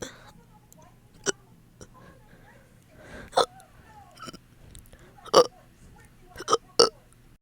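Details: Fast hiccup-like burps after eating, ongoing for about 30 minutes: several short, abrupt gulping burps at irregular intervals in a quiet room, about six in all.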